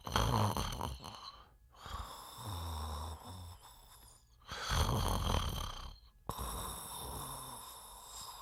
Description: Sounds of a person snoring while sleeping.